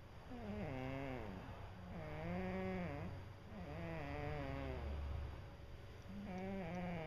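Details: Female cat snoring habitually in sleep: long, drawn-out rumbling breaths with a wavering tone, repeating about every two seconds.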